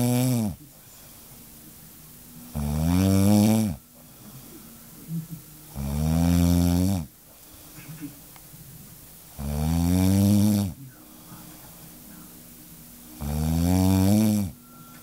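Loud, deep rattling snores on each breath in, about 17 a minute, with quiet breathing out between them: ordinary heavy snoring.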